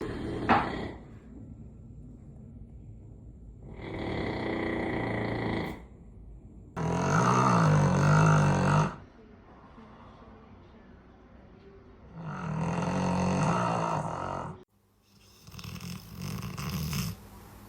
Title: Sweet Dreams 😴#snoring #puppy #dog #sleeping #doglover